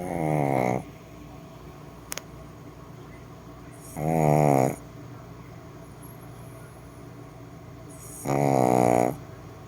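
Three regular rasping, fluttering snores about four seconds apart, roughly 14 breaths a minute, with quiet room background between them.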